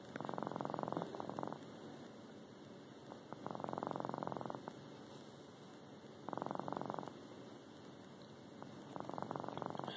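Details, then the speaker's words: Sleeping pet cat, not usually a snorer, makes rhythmic buzzing snores, each breath a fluttering rattle, at about 22 breaths a minute. "how he's snoring. Never heard him snore before."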